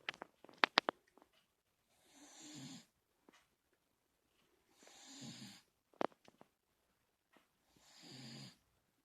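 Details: Three soft, wheezy snores about three seconds apart with faint clicks between them, about 20 breaths a minute; snoring.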